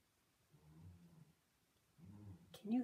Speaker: him snoring he's just exhausted